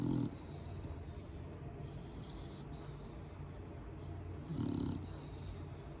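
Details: One-year-old female mixed-breed dog, 45 pounds, snoring in sleep: rough, rumbling snores with louder snorting bursts at the start and near the end of a slow breath cycle.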